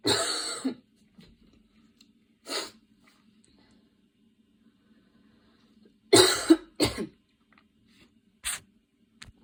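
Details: Adult coughing in the afternoon: about five to six separate cough bursts over a faint steady hum.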